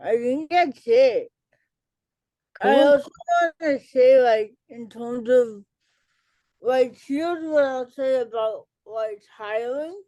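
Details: Dysarthria in an adult woman with cerebral palsy, an educator and author, who says listeners may not understand her and that she talks differently.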